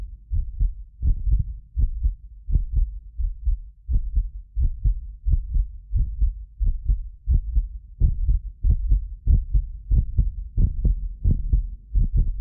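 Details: Real heartbeat of a medically fit person recorded with multiple precision contact microphones: regular lub-dub at roughly 88 a minute, occasional doubled clicks from a ~6 ms delay between microphones, not heart disease; normal heart sounds.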